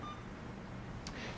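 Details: Short high electronic keypress beep on an Alaris CareFusion infusion pump being programmed for nicardipine during interfacility stroke transport training, quiet room.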